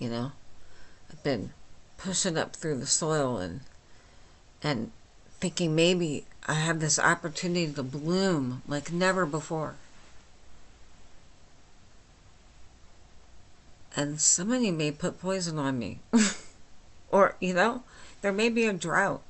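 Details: Adult woman with myasthenia gravis since age 8, lifelong swallowing and talking problems and double vision, speaking without her speech appliance; hypernasal dysarthria, understandable but not perfectly.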